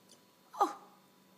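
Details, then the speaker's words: Great Dane dog with a single short, abrupt hiccup-like gulp against low room hum; hiccups. "What is that? Oh, no. Not the hiccups. I hate the hiccups."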